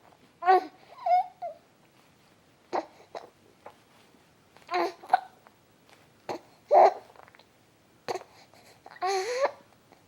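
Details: Baby boy with hiccups: repeated short, sharp catches of breath, some voiced, at irregular intervals in a quiet room.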